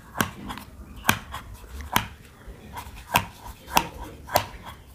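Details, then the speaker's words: Mee Mee manual breast pump being demonstrated by a woman, pumped by its handle: repeated sharp squeaky clicks, about 70 a minute, with faint room noise behind. "उसके बाद इसको आप यहां पर लगा लीजिए और कि यहां पर लग जाएगा आपके ब्रेस्ट पर और इस तरीके से आपको इसको पंप करना है"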